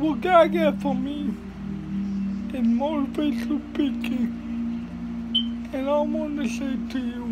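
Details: Dysarthria in a speaker with cerebral palsy giving a motivational talk.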